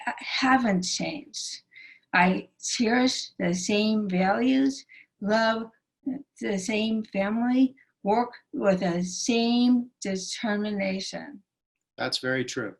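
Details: Woman with aphasia after a stroke that initially took away all her speech; she still finds speaking very difficult, has a non-functioning right arm and hand, and walks with a limp. Aphasia (post-stroke).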